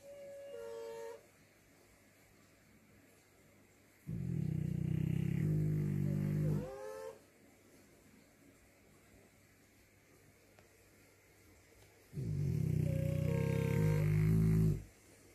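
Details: Pet pup snoring: deep droning snores on inhalation with soft whistling ends, two long breaths in fifteen seconds, over steady room hum; ordinary snoring.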